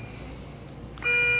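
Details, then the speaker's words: Patient in the emergency room for an emergency pacemaker replacement, hooked up to a bedside cardiac monitor; quiet room hiss, then a steady electronic heart rate alarm tone repeatedly sounding. "heart rate that keeps alarming back there. They got me all hooked up."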